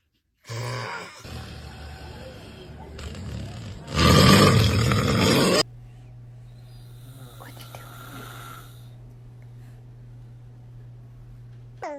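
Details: An adult (dad) snoring during sleep as a baby reacts: a loud, rough snoring breath, then a long steady low hum with faint background sounds.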